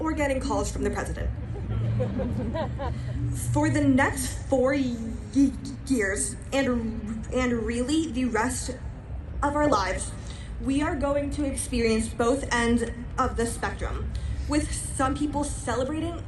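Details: Stuttering in a female high school senior giving a graduation speech, who describes herself as a person who stutters.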